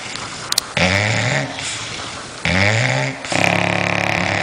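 Loud, rattling, throaty snores in long pulls, overlapping between two dogs, with a small jingle early on. Heavy snoring typical of flat-faced dogs.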